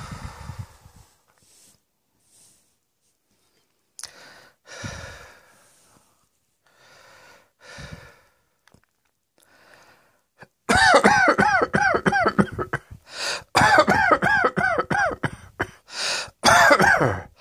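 Quiet breaths and short sounds, then a long run of loud, rapid, harsh coughs; a repeated coughing fit.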